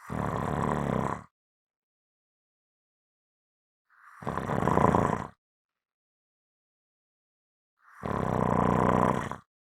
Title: STRONG SNORING SOUNDS